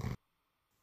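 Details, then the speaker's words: A single brief, low snorting snore from a sleeping dog in the background, believed to be dreaming of chasing cats, followed by near silence; snoring. "if you can hear a dog snoring in the background I am dog sitting at the moment think he's chasen some cats"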